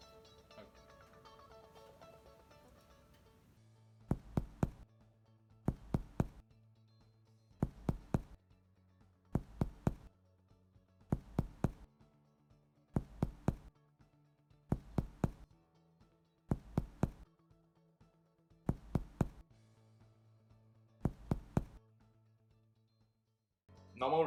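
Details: Medical student's respiratory examination of an adult: paired finger-percussion taps over the back give hollow, low-pitched resonant notes, a normal lung percussion finding.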